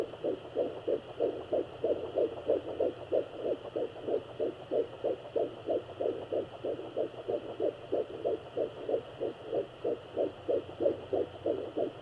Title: Fetal Heartbeat @ 10 weeks